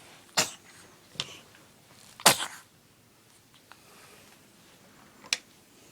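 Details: Baby sneezing repeatedly: several short, sharp bursts of air with quiet pauses, a loud one in the middle; sneezing.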